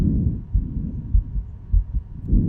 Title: Healthy lungs and heart sounds